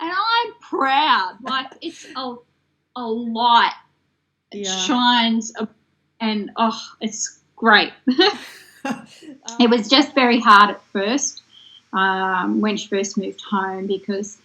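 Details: Woman who developed aphasia after a stroke in 2016 at age 33, in long-term recovery; aphasia.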